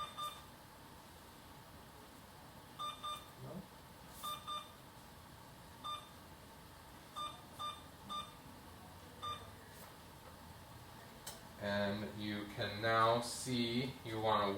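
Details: Series of short electronic beeps from a Alaris-type IV infusion pump as it is programmed, silenced and started during a primary-line priming demonstration, then brief voices nearby.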